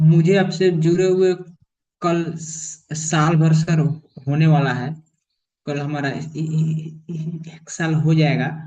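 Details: Adult male in online stammering therapy who says his stammering has largely been overcome over the past year but who still blocks, mainly on words starting with vowel sounds; stuttering.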